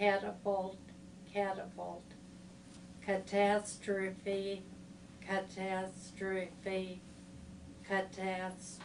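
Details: 80-year-old woman, three-year history of difficulty getting words out, slowed, somewhat distorted speech, inconsistent segmenting of multisyllabic words at an early visit; PET shows premotor/supplementary motor area involvement; apraxia of speech.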